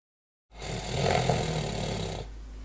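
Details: An adult man snores during sleep, loud enough to wake his wife, in a report on sleep apnea.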